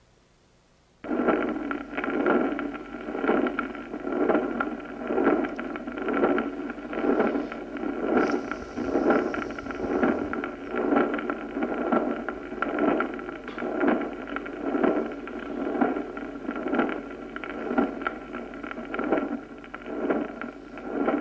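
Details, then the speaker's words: Cardiac auscultation teaching recording: a murmur that continues without interruption through both systole and diastole, engulfing and obscuring the second heart sound. Continuous murmur. "El soplo se llama continuo cuando se continúa sin interrupción en ambos silencios, englobando el segundo ruido, es decir, borrándolo."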